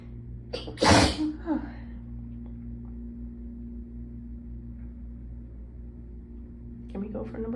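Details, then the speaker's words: Forceful sneeze with a short gasp before it, from a congested person whose sneezes come in a chilly, air-conditioned room; they suspect allergy-season pollen, say the sneezes hurt the throat, then a steady room hum and brief talk; sneezing. "Oh, Christ almighty. I am definitely gonna sneeze again."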